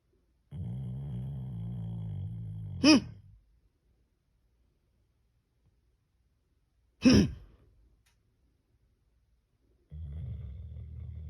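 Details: Sleepy pet dog snoring: long, low, rattling breaths with long quiet gaps and brief snorting bursts.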